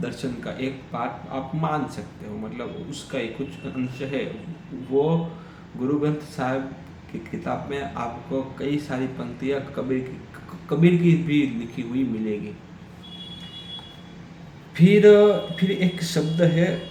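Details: Stammering in an adult man during Hindi storytelling practice on day 7 of a daily stammering practice routine that includes breathing exercises.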